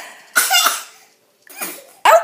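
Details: Pretend sneeze: a few short, sharp, deliberately imitated bursts of air with some voice and quiet gaps between them.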